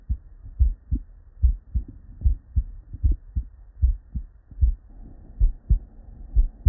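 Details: Real, unedited bedside auscultation of a human with normal cardiac physiology: steady lub-dub at about 76 beats a minute with clear first and second sounds; normal heart sounds.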